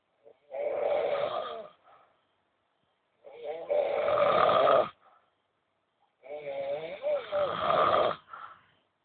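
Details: Old men snoring nightly while sleeping: three rough, vibrating in-breath snores separated by quiet pauses, about 18 breaths a minute; ordinary snoring.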